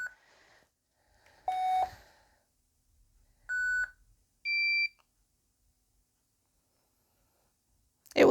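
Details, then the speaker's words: Philips HeartStart AED running its user-prompted self-test (soft test key, shock and button checks) in a quiet room: separate electronic beeps and tones, some higher-pitched, before the defibrillator is ready for use; AED self-test beeps. "take a few seconds just to go through the test defib is now ready for use"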